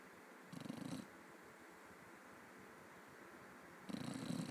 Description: Zeus snoring his a$$ off